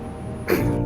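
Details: Person with Tourette syndrome, a neurological disorder present from birth, with constant involuntary tics including head movements, loud vocal noises and throat clearing: vocal tic (throat clearing) in Tourette syndrome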